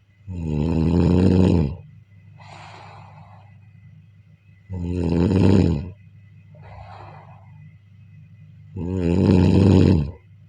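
Loud rattling snores on each breath in, about every four seconds, with softer breathing out between; steady room hum behind.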